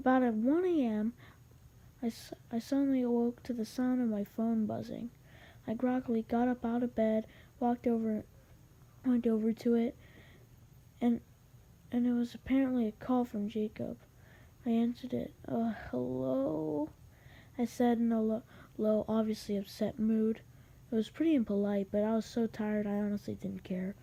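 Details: Male narrator who reports having a little stutter, narrating a story; repeated words and phrases: stuttering.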